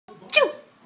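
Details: A brief voiced intake followed by a single sharp, hissing burst that trails off quickly: one ordinary adult sneeze, at which a baby giggles.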